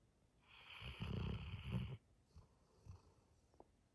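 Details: Labrador Retriever snoring while asleep: one loud, rough, low-pitched snoring breath followed by softer snuffling breaths.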